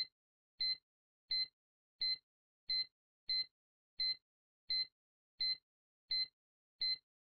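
Regular high-pitched monitor beeps at about 86 a minute, one per heartbeat, from simulator software imitating a bedside cardiac monitor.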